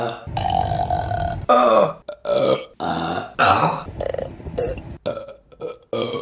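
A run of about six loud, drawn-out burps in quick succession; deliberate belching.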